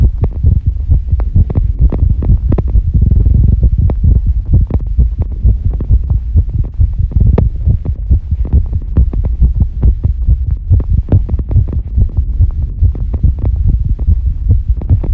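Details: Female heartbeat recorded after squats, during recovery: a loud, quick, thumping heartbeat over a steady low hum, a raised heart rate after exercise.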